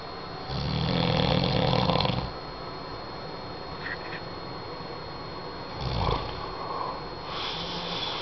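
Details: Man snoring in sleep: two long, rattling inhaled snores with quiet breathing between them, against steady background hiss.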